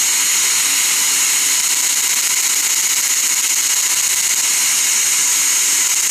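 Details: Loud, continuous high-pitched whine of a dental instrument during laser-assisted root canal treatment on a lower bicuspid.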